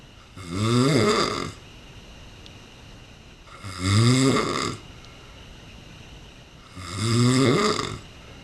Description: He was snoring loudly as he slept